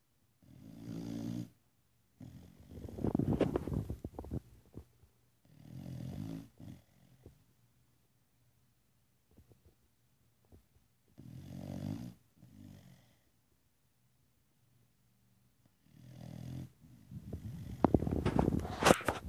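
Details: Dog snoring in sleep: rough, rattling snore bursts with pauses between breaths, some louder snorts toward the end.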